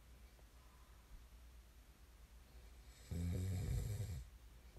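A single loud, low rattling snore on an in-breath, lasting about a second, rising out of quiet room noise.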